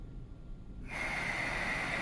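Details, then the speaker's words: Quiet room, then a sudden steady rush of airflow with a faint whistle as a GE mechanical ventilator starts delivering a pressurized breath after setup. "show that it is in fact giving pressure."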